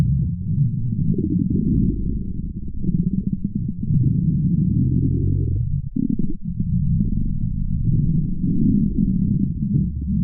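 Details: Woman's stomach growling: continuous deep, low rumbling and gurgling, nearly unbroken with a brief dip midway; prolonged stomach growling (borborygmi), ordinary gut noise.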